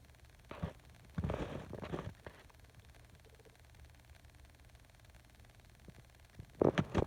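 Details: Quiet room with a few soft, fluttering snorts and breathy rasps separated by a long silent pause; faint animal snoring, Hera snoring.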